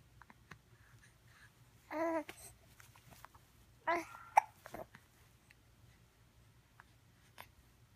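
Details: 2.5-month-old baby with morning hiccups: two short voiced catches in a quiet room, with faint babbling and small clicks; hiccups.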